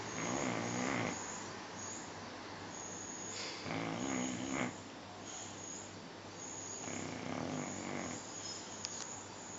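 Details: Sleeping: rough, rattling snores on the in-breath, three cycles, with background hiss; snoring.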